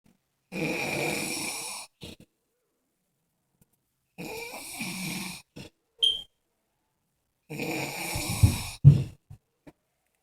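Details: Snoring: three loud, rough snores, roughly one every three to four seconds, with short snorts and silent pauses between.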